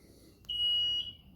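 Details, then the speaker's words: Blanketrol III hypo/hyperthermia system switched on without water: after its self-test, a single steady high-pitched electronic tone about half a second long sounds with the flashing low-water-level alarm, which can be silenced briefly. "alarme visual nível de água abaixo já está piscando e o som pra vocês estão ouvindo é é da falta de água nesse botão aqui eu consigo silenciar o alarme por alguns minutos"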